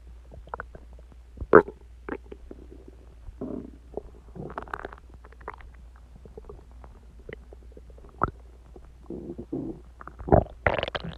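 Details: Active bowel sounds (borborygmi) from the recorder's own stomach, growling audibly about an hour after eating eggs and ice cream and drinking Coke: irregular gurgling, squelching and rumbling bursts over a low steady hum.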